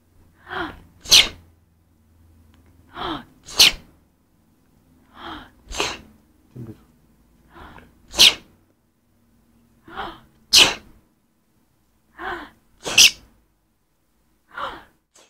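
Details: A series of about twelve sharp sneezes, each often preceded by a quick in-breath, in a quiet room; repeated sneezing.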